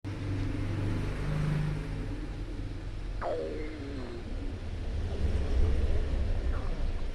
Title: hungry girls stomach growling